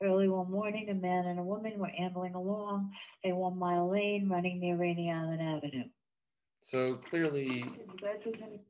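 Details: Spasmodic dysphonia (laryngeal dystonia) in a second study patient reading standard sentences before electrical neuromodulating implant stimulation.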